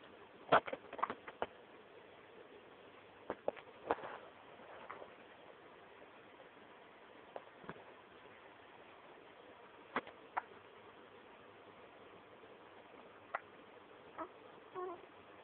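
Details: Hiccups in a 4-week-old baby girl: soft, sharp little catches recurring at irregular gaps in a quiet room.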